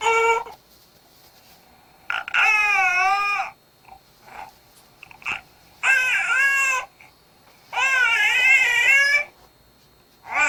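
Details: Sleepy newborn: drawn-out 'ah'-like cries in repeated bouts, mouth opened wide as if yawning; sleepy, tired infant cry.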